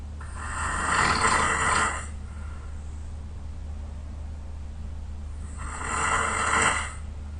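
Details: Two long, loud, harsh snores about five seconds apart, roughly twelve breaths a minute, over steady low room noise, from a very tired sleeper; loud snoring.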